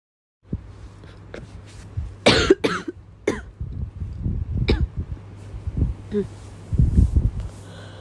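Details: An adult woman with a cough that won't stop at night gives a run of about five harsh coughs and throat clears against a low room hum.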